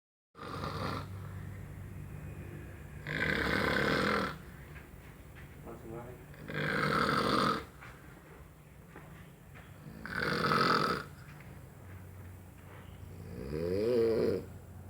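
Loud, rough snores on each breath in, about 18 a minute, with quieter breathing between; ordinary snoring.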